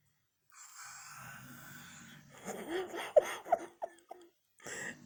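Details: Mother snoring: a long, rough, rumbling breath in, followed by laughter and a few voiced bursts from others nearby; snoring.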